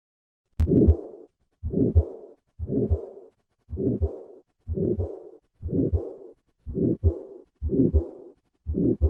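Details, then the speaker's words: Patient with combined aortic stenosis and aortic regurgitation: slow regular heartbeat, about 56 a minute, with a long harsh murmur filling much of each cycle. "listen once again to a patient with combined aortic stenosis and regurgitation"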